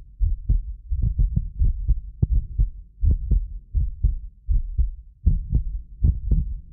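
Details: Heartbeat of a medically fit person recorded with several precision contact microphones: loud, close beats about 80 a minute; some beats sound doubled from ~6 ms delay between microphones, not heart disease. Normal heart sounds.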